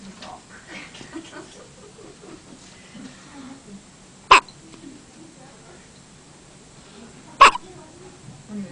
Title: Hiccups 2